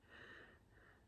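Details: Snoring from a sleeping person, heard early on a Monday morning (6:15) just after the recorder got out of bed, recorded on a phone.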